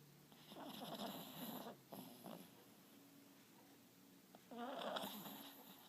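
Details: Sleeping female dog, described as very loud and sometimes scaring herself, gives soft, rough snores with a raspy, snort-like quality in a quiet background; snoring.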